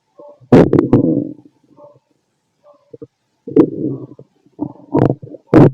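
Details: Stethoscope auscultation of a fit adult male's abdomen: bursts of gurgling, rumbling growls with quiet gaps between; ordinary active bowel sounds of a growling stomach.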